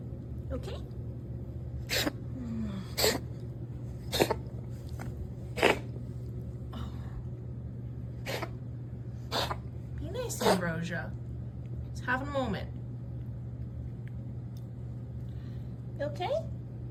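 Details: Male cat gives a run of about seven sharp, explosive coughing or sneezing bursts; owner wonders if it is hairball wheezing or coughing.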